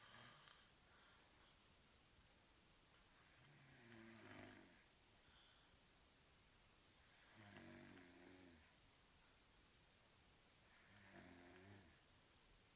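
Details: Person snoring in sleep after drinking at a village celebration: three rumbling snores on breathing in, roughly every 3.5 seconds, over steady room hiss.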